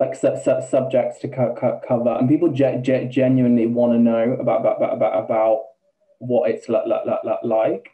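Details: Man, 28, with Tourette syndrome beginning about two years ago, with involuntary swearing, repeated words and a stammer he never had before: stammering with sound and syllable repetitions.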